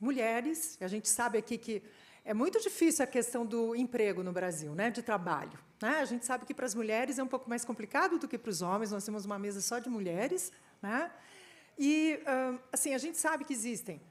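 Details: Adult woman speaking Portuguese; Normal speech.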